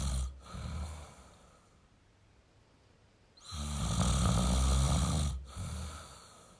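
Loud, rough fluttering snore on a long in-breath, with softer breathing between, from a sleeping man.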